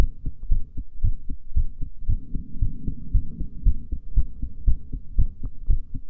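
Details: Female heartbeat around a breath hold: regular low thumping, fast at about 115 beats a minute after breath holding, no clear extra sounds; normal heart sounds.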